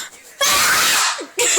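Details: Girl whose sibling says she sneezes with her eyes open; a short intake followed by one loud, explosive burst of air; a single sneeze.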